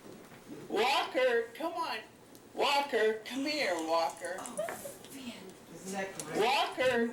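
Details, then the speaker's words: Short bursts of voiced speech from a synthesized voice for an ALS patient. It was built through voice banking from recorded sentence reading, using technology developed at Boston Children's. "you can give someone a voice back once they've lost and here's an example from technology developed at Boston Children's to give voice back to an als patient"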